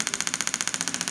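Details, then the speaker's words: Storz D-Actor 100 pulse-wave unit treating rotator cuff pain at the shoulder: regular sharp ticking pulses, about 15 per second; radial shockwave therapy device operating. "a lot of times I'll stay there for two 300 pulses and then move on we're just gonna basically paint this area"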